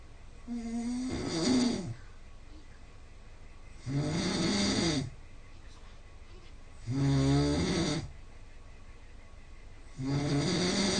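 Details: Snoring recorded with a snoring app between 5 and 8 a.m.; about 4 hours of sleep with about 3 hours (80%) snoring, score 166: loud, rough snores on each inhalation, about four in eleven seconds, quiet exhalations; heavy snoring.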